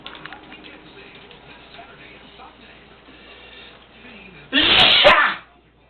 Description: Another sneeze attack of hubby's I finally caught on video